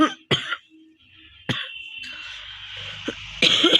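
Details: Real cough challenge: a few sharp, dry coughs with throat-clearing and room noise between them, from a woman with a genuine cold cough that is getting better.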